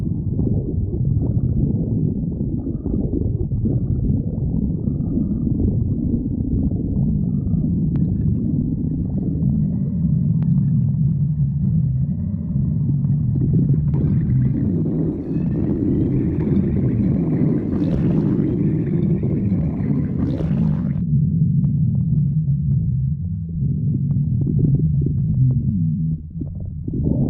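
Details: Sally's stomach growling: continuous low rumbling gurgles from the belly as gas and fluid move through the gut; stomach growling (borborygmi).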